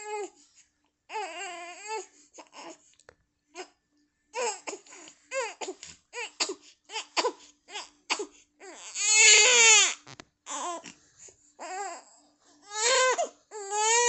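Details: Loud, high-pitched infant crying in repeated bursts with breaths between; the baby reportedly also laughs, hiccups, coughs and burps at the same time.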